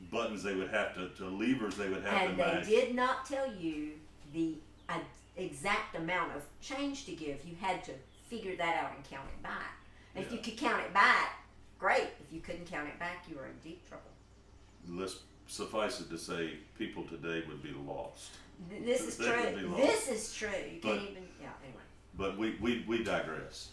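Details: Adult male speaker in conversation, brief second voice; normal speech.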